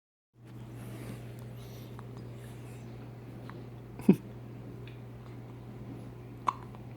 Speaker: You have the hiccups.